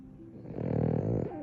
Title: Post Pool Time Puppy Snores. Hercules! #Frenchie #BostonTerrier #Frenchton #Snoring #Snore